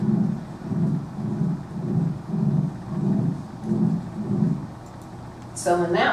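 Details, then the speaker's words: Recorded ejection-type heart murmur of aortic/subaortic stenosis; a patient's breathing is also heard in the background. "so we consider the colonic stenosis subaortic stenosis they tend to be more injection lowers"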